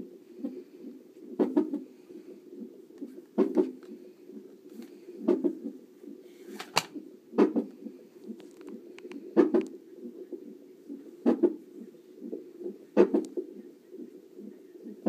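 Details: Fetal hiccups heard on a CTG monitor: regular soft thumps about every two seconds over a steady Doppler whoosh, a normal finding.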